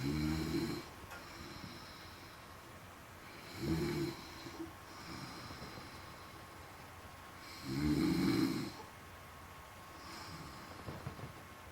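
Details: Wife sleeping: loud rattling snores at regular intervals, about every four seconds, with quieter breathing between; snoring.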